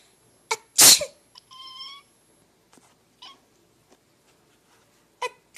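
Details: Person sneezes near a pet: a sharp sneeze burst, followed by a brief high cat-like squeak in response and faint small sounds.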